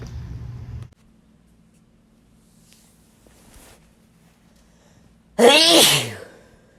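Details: Sneeze from a compilation: a brief noise, a quiet pause with faint breaths, then one loud voiced sneeze burst, a single sneeze.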